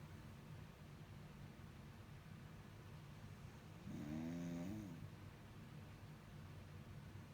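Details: Brother snoring very loudly: a single loud, buzzing snore lasting about a second, rising and falling in pitch, over a low steady background hum.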